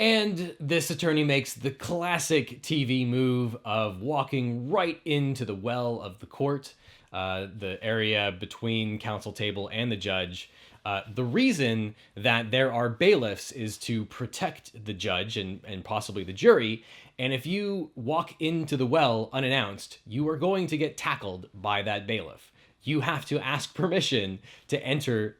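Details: Adult male speaker; normal speech.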